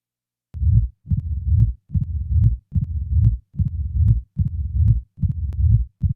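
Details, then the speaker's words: Simulated mitral stenosis heart sounds, about 71 beats a minute: loud first sound, low rumbling mid-diastolic murmur with added presystolic accentuation, then an opening snap. "now a pre-systolic accentuation is added followed by an addition of an opening snap"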